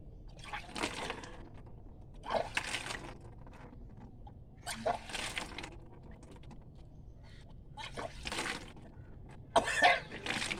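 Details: Repeated noisy bursts of retching with water gushing out, about five episodes over ten seconds: deliberately finger-induced vomiting of about six glasses of warm saline water drunk during Kunjal Kriya (Vaman Dhauti) yogic cleansing.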